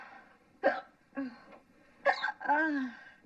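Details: Acted film scene: a woman has hiccups after laughing hard; sharp, abrupt vocal catches break up her speech.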